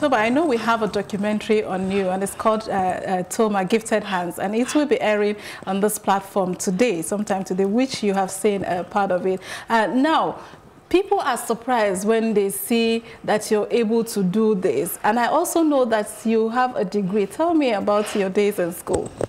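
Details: Adult woman speaking; normal speech.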